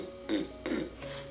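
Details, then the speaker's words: Adult woman gives two short, rough, deliberate throat-clearing bursts to scratch an itchy throat, a habit linked to allergies and copied from her mother as echolalia-like imitation; throat clearing. "i will scratch my throat but i never started doing that until i heard my mom doing it"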